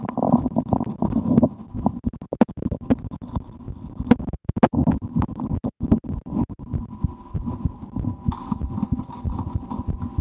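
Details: Own stomach recorded through a stethoscope while digesting a restaurant lunch of porcini mushroom soup and a sandwich; irregular gurgles, rumbles and scratchy rustling; active bowel sounds of digestion.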